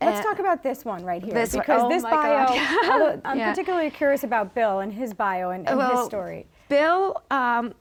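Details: Adult woman speaking; conversational speech.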